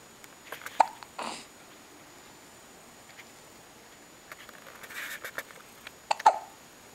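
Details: Hiccups: a few brief, abrupt catches of breath with small clicks against a quiet room.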